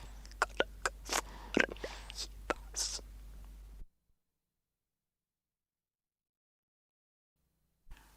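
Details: 1964 recording of a laryngectomy patient using buccal speech, a substitute method limited to the explosive consonants p, t and k, after previously communicating by writing; buccal speech after laryngectomy.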